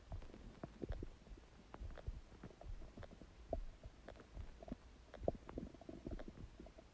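Loud, irregular gurgling and rumbling from the abdomen, bursts of bubbling bowel sounds: ordinary stomach gurgling.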